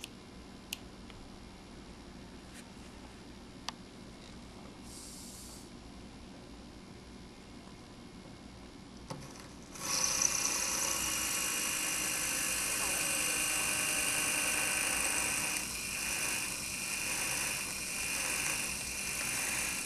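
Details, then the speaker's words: Dental implant drill cutting bone while preparing an osteotomy for a 6 mm, 13 mm-length implant, using the green 4.5 mm twist drill after the 3.8 mm drill: steady high-pitched rasping whine after a quiet stretch with faint clicks. "we will be careful to insert it to the correct marking on the drill the next diameter is the green colored 4.5 mm twist drill"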